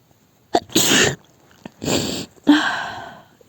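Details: Acted adult sneezing scenario, sneezes blamed on allergy to a new lavender air freshener: a sharp inhaled catch, then three forceful hissing sneeze bursts in quick succession.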